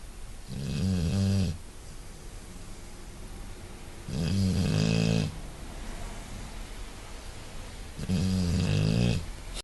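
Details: Deep, buzzing snores on each breath, three in under ten seconds, about 18 a minute, over steady room noise; snoring.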